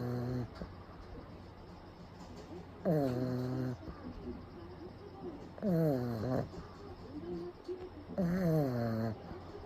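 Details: Pug napping with eyes rolled back, recorded close up: loud, rattling snores with falling pitch, three in about ten seconds; snoring.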